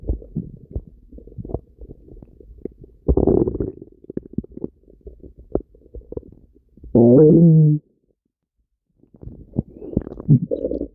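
Loud gurgling and rumbling bowel sounds with bursts and a long low growl; stomach rumbling, a normal finding from gas and fluid moving.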